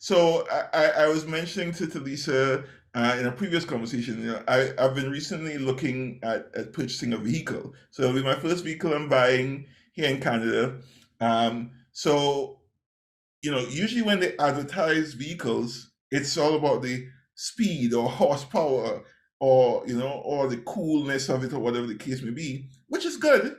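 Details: Adult male speaker; ordinary speech.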